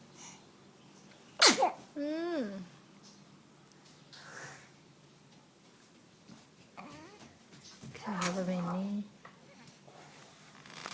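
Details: A person sneezing: one sharp explosive sneeze followed by a brief voiced sound, then a second, softer burst; ordinary sneezing.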